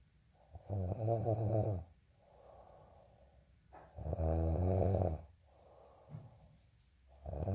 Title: day in life snoring asmr sound 221